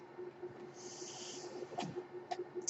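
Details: Podcast host's own mechanical ventilator heard while he speaks: steady low motor hum with a soft rush of hissing airflow and a few faint clicks.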